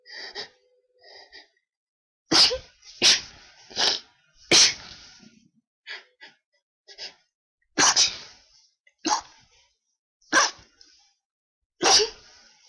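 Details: Requested sneezes with a very tickly nose, described as unable to stop sneezing: about eight sharp, explosive sneezes in quick succession, some preceded by short catching in-breaths; repeated sneezing.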